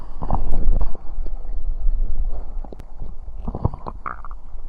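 Deep, bubbling low rumbles with scattered gurgles and pops: ordinary stomach growling after drinking, a normal sound.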